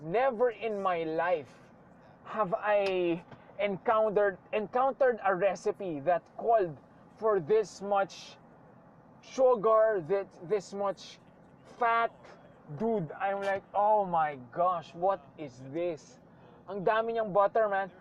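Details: Man who says he sometimes stutters; stuttering.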